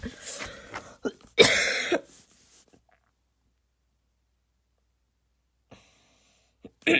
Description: here is some more barking, i know it's not the best, i can never achieve that barks the cool people get, but i tried